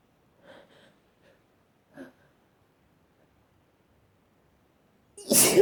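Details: Person sneezing, with soft stifled sneeze sounds followed by a loud, wet, explosive sneeze, part of a long sneezing bout: sneezing.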